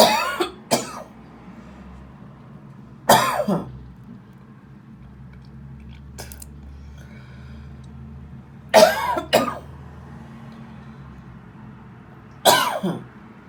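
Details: Productive, phlegmy cough recorded 4/9/21, which the person links to listening to frequencies: four clusters of harsh coughs with throat clearing in a quiet room.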